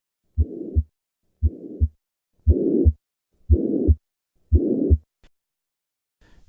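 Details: Tricuspid regurgitation at the lower left sternal border: three normal beats near 60 a minute, then a blowing murmur filling systole that grows louder with inspiration, showing respiratory variation.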